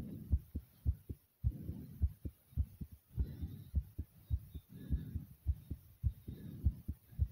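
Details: Uploader's heart beating hard after over 50 jumping jacks: loud, strong, rapid, forceful heartbeat with heavy breathing.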